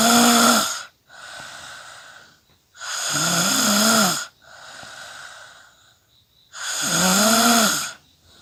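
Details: Clean snoring sound effect: loud, buzzing snores with a tonal whistle, about 17 breaths a minute, each followed by a softer breath out during sleep.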